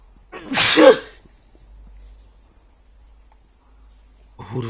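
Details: A single loud, explosive sneeze from a run of six, sharp burst of air, then quiet and the start of another; sneezing.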